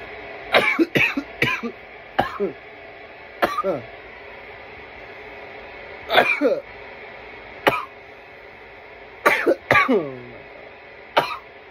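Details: Repeated bursts of harsh, hacking coughs in several clusters with strained, rasping tails over steady room noise; coughing fits after inhaling smoke from a bong.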